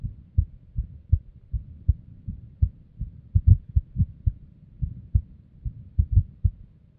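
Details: Female's unstable resting heartbeat, recorded with simple equipment: low thumps with uneven spacing, some beats crowded together and others delayed; irregular heartbeat with extra beats.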